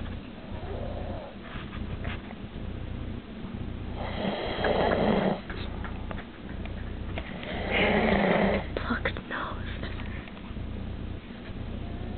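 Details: Person (Kaylee) snoring in sleep, possibly with nose plugged: rough, rattling breaths with two louder snores over about twelve seconds against low room hum.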